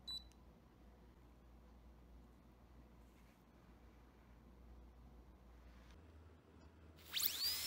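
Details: Quiet room hum, a short beep, then a high-pitched whine of a dental handpiece starting up during a demonstrated composite filling of a replica front tooth with caries on a dental manikin.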